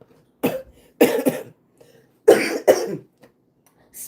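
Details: Adult on a livestream gives a run of about five short, harsh coughs in paired bursts with brief pauses, in a quiet room: a coughing episode.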